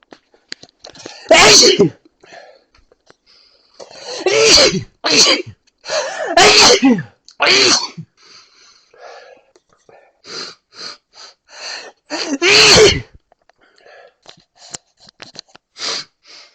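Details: Person sneezing after smelling coffee, described as an allergy: a run of about five loud, sharp sneezes with softer sniffs and breaths between; repeated sneezing.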